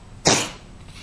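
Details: Young cat coughing and choking for several weeks, later hospitalized on IV, no firm diagnosis (asthma suspected): a single harsh, forceful, dry hacking cough fading into quiet room noise.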